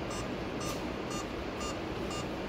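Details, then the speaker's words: Faint short electronic beeps about every half second over room noise from a BLS CPR training manikin in test mode set to 30 compressions and 2 ventilations: the ventilation feedback tone. "अभी मैंने test mode on किया है तो ये जो दीप आप देखेंगे अलग-अलग डिफरेंट साउंड का है दो बार वेंटीलेशन का डिफरेंट साउंड आएगा"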